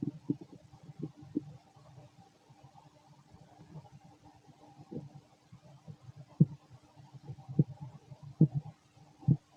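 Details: Fit male, stomach growling while digesting, very loud: low rumbling and gurgling with irregular louder pops; ordinary bowel sounds (borborygmi) during digestion.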